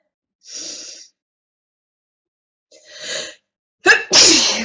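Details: Two sharp in-breaths followed by a forceful explosive sneeze amid repeated bouts, an adult speaking Russian between them; sneezing fit.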